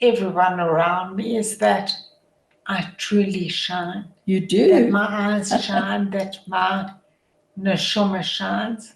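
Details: Adult woman with motor neuron disease, a progressive degenerative disease whose functioning worsens daily and which she says is audible in her voice; dysarthria (motor neuron disease).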